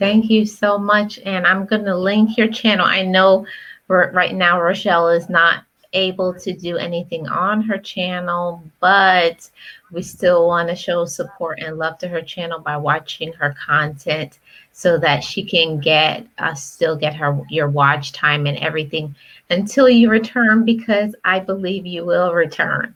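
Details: Adult woman speaking; ordinary speech.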